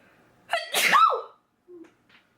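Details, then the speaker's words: A person's single sneeze after a half sneeze: a sharp intake, then a forceful burst of air and voice, and a brief sniff. Sneeze. "Oh gosh, I'm going to sneeze. Oh god, that was a half sneeze. Oh god, I'm going to sneeze."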